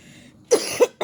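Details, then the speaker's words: Cough from an adult with a cold: two short, harsh cough bursts followed by the start of a third. "Nih lagi pilek batuk seleme."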